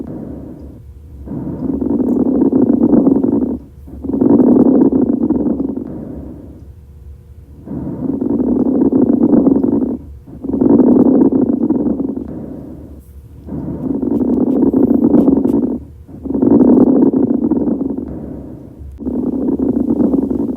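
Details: Coarse crackles (rales) in the lungs: slow, regular breathing with low, bubbling popping sounds through both inspiration and expiration.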